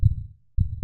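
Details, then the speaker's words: Low, deep heartbeat thumps with a pause between, played with a teaching animation: "lub" from atrioventricular valve closure as the ventricles contract and "dub" from semilunar valve closure. Normal heart sounds. "the heartbeat begins with the lub sound made by the closing of the atrioventricular valves that are shown here in the animation the closing of the atrioventricular valves correspond with the contractions of the ventricles"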